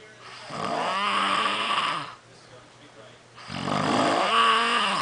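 Two loud, buzzing, vibrating breaths with a quiet pause between them: snoring.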